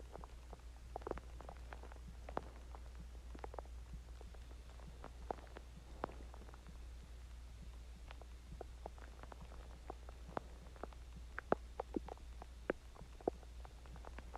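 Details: Frequent small pops and gurgling clicks over a steady low hum, active bowel sounds: stomach growling after eating Chinese food and drinking water.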